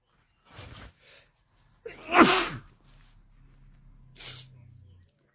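A quick indrawn breath, then one sharp, forceful sneeze burst and a soft exhale; a single ordinary sneeze.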